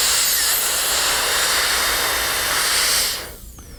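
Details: Dental high-speed handpiece with diamond bur buried to the shank making a cervical depth cut about 1.25 mm deep on a maxillary canine prepared for a porcelain-fused-to-metal crown; loud high-pitched whine and hiss, dying away.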